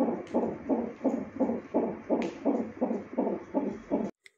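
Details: Fetal heartbeat from a CTG monitor speaker during a pregnant woman's hospital admission while she has pains, rapid regular whooshing pulses about 165 beats per minute; fetal heartbeat.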